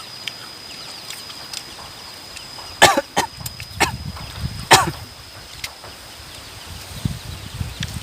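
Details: A few sharp coughs among eating noises while eating very spicy rujak of water apple with chili sambal, recorded on a Samsung J7 Pro phone; coughing set off by spicy food.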